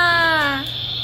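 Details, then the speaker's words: Short, tonal crying wail from a young girl that falls in pitch and fades after about half a second, at the end of her first dental check-up as her mother comforts her; toddler crying. "good job baby it's okay stop crying now it's okay you were great very good okay mama will wipe your tears"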